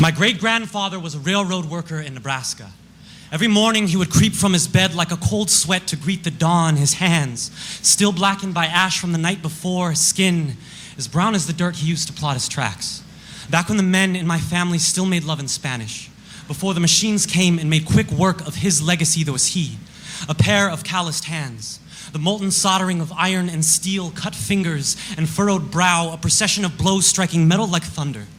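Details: Adult male speaker; normal speech.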